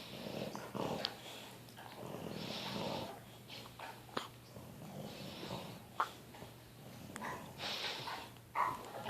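Slow, rough, rattling breaths with snorting noises and a few sharp clicks, a dog snoring while asleep.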